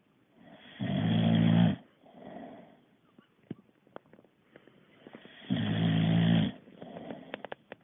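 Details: Boxer dog snoring while sleeping, tired after exercise: two loud, low, rattling snores on inhaling, each followed by a softer breath out, with faint clicks between.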